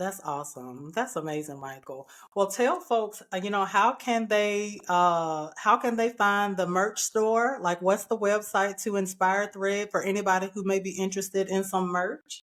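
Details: Adult woman speaking; typical speech.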